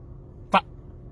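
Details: A single abrupt, yelp-like vocal burst against quiet room noise: a simple vocal tic from an adult male with Tourette syndrome.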